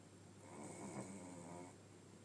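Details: Sleeping dog napping after a very long walk: a single soft, buzzing snore on a slow breath over a faint steady room hum; ordinary snoring.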